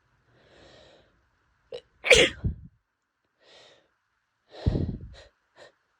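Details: Adult with seasonal pollen allergy, sneezing fits daily for a month despite medication: two loud explosive sneezes with soft sniffing and breaths between; repeated allergic sneezing fit.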